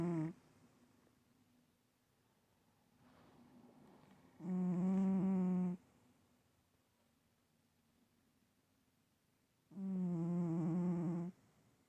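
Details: Sleeper still snoring: loud, buzzing, tonal snores on each breath, a few seconds long and about five seconds apart, with quiet room noise between.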